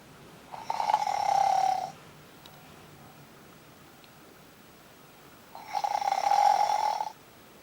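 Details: Fluffy bear snoring in sleep, keeping Munchkin awake: two long, rasping, buzzy snores about four seconds apart with quiet breathing between; plain snoring.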